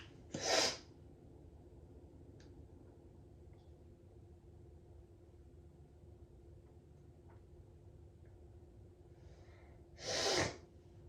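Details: Two sneeze bursts about ten seconds apart, separated by quiet room noise; repeated sneezing.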